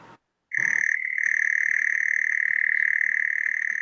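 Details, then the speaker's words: Brainstem auditory evoked potential (ABR/PEATE) click stimulus played in an audiology class: a rapid, even train of high clicks blending into a cricket-like chirp. "Agora sim. Parece um grilo. Então, esse grilo, que assim, a gente faz isso aqui, né, na velocidade que o nosso dedo permite. Só que é isso aqui muito, muito, muito, muito, muito, muito, muito rápido."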